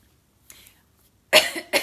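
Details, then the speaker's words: Adult coughs twice, forcefully, after a faint throat sound in a quiet room; the cougher has been overworking with headache, neck and back tension, says the cough may go deeper into the chest, and reports yearly strep throat since high school. "let me cough this out first. That's my body telling me, by the way, hello, you keep this up, it's going to get deeper into your chest."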